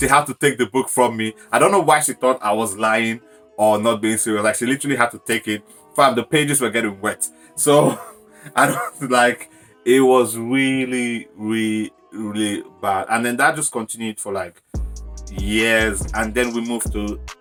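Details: Adult man whose stammer began suddenly at age 14 while speaking before a crowd, worse for years, still arising when nervous as long pauses or word repetitions; stuttering.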